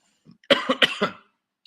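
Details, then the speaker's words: Cough that has been bothering the speaker all day without feeling otherwise sick, heard during a boxing-news stream. "hopefully this cough doesn't linger it's been bugging me all day I don't feel sick or anything"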